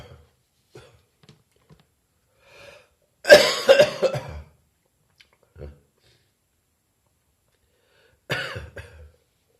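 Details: Persistent cough still present three weeks after a chest infection: two loud, harsh bursts of coughing, each a quick run of coughs, with small sounds between them.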